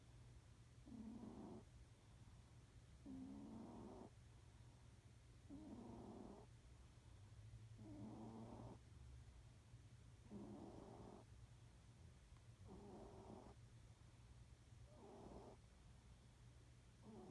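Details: A sleeping cat snores in soft, regular rasping bursts, about 26 breaths a minute, over a low room hum.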